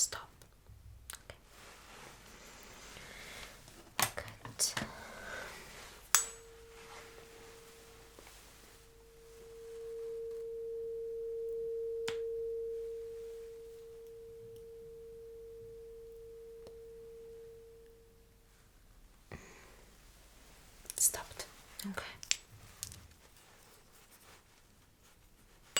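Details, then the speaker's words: Simulated ASMR hearing-test roleplay: a struck tuning fork placed behind the ear gives a steady pure hum that swells, then slowly fades, between soft handling clicks. "So what I'm going to do is to put this tuning fork right behind your ear. Mhm. And you will now want the vibration along along with the sound"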